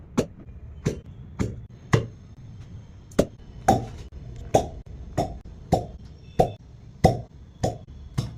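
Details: Sharp knocking pulses, about one every 0.6 seconds, from a shockwave therapy device during real non-surgical physiotherapy for chronic pain such as groin, sciatica, lower back, cervical and muscle pain; faint music in background.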